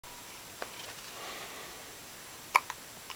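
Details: A few brief, sharp, involuntary catches of breath in a quiet room: hiccups in a girl who also hiccupped almost daily in the womb; she is doing exercises.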